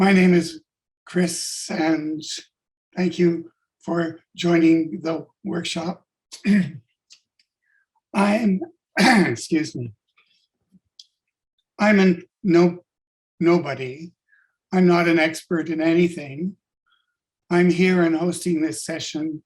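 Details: Adult-onset stuttering in a man with functional neurological disorder (FND), sudden onset five years ago on waking unable to speak with up to 20 seizures daily; speech regained but not fluency.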